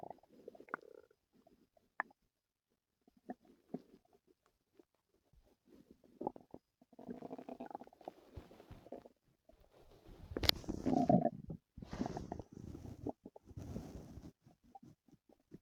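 Irregular gurgles, squeaks and rumbling growls from the belly, louder near the end; active bowel sounds.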